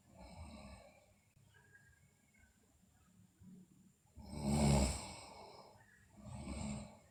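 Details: Sleeping girl snoring: quiet room, then a loud rough snore followed by a softer one; recording also features bruxism and delirious sleep talk.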